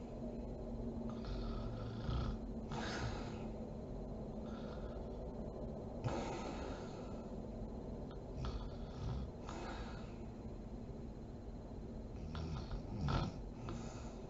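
Soft, irregular snoring and snorting breaths over steady room hum; snoring in sleep.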